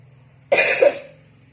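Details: A single abrupt, harsh cough from a child with a cough and cold being given ginger and monkfruit tea; a second push trails off, over a low steady room hum.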